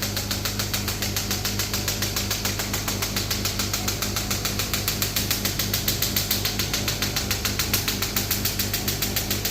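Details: Ballistic-pressure shockwave physiotherapy machine (3rd gen) demo, handpiece firing at about 140 impacts a minute over compressor hum.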